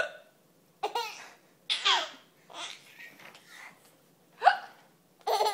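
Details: Mother's hiccups: short, sudden catching sounds at irregular intervals, with a baby giggling and laughing in between.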